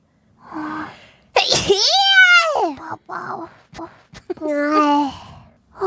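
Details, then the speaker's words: Several voiced sneezes, each a sharp intake then a high, sing-song burst, in a quiet room during a live stream; sneezing. "how many times you going tell me not to sneeze today"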